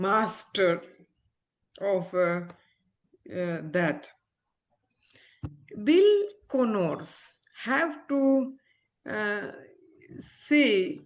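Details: Adult woman, an ophthalmologist, with aphasia after a stroke around delivering twins 7 years ago; she is recovering her speech with speech-language therapy and communication still hinders her; aphasia after stroke.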